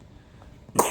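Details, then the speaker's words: Rough cough from an infant with mosaic Down syndrome, recovering from RSV after a three-day hospital stay. "As you can hear, she still has a rough cough."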